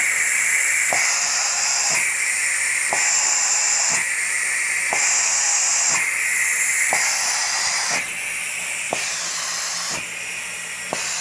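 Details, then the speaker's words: Loud air hiss alternating about every second with a valve click at each switch, pressure and vacuum driving breaths in and out: DIY Arduino-controlled prototype ventilator (first revision) turned to its fastest rate, about 30 breaths a minute. "there and then I'll plug in so there's pressure to bleed them vacuum to exhale to breathe out of the depression reason back in the blue bottle and this race can be changed like I said before by this guy so I'll turn this as fast as it go"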